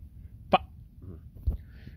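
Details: Man with Tourette syndrome making a non-speech vocal sound; vocal tic.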